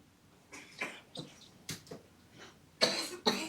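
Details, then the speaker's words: A young child with a tight chest, a history of asthma when younger and no current inhalers, stands and coughs in short bursts ending in two harsh coughs, sounding wheezy: asthma-related wheeze. "all right just stand up for me it's freezing it out through your mouth quite Wheezy there aren't you"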